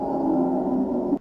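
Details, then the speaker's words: A steady, continuous, musical whistling tone runs through the breath on stethoscope auscultation: a wheeze, from air forced through narrowed airways. "wheezing keyboard here is musical it's a continuous sound because it's heard for a longer duration during breathing think wheeze whistle like a musical let's listen"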